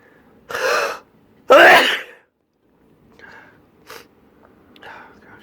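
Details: A person having an allergy sneezing fit: two loud sneezes in close succession, then softer breathy sounds.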